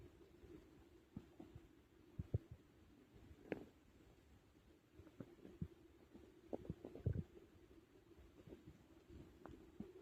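Faint irregular gurgles and bubbling pops with a low background rumble; ordinary stomach growling during digestion.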